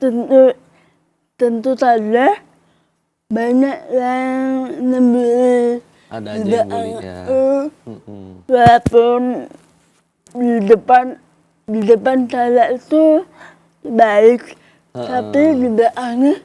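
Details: Young adult woman with cerebral palsy and delayed speech development; she communicated only in writing in primary school and began speaking in junior high after therapy with her mother; dysarthria (cerebral palsy).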